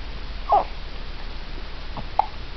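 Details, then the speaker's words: Infant boy, cooing and then getting grumpy: two brief, sharp, abrupt hiccups over quiet room noise. "Uh-huh. You got the hiccups now."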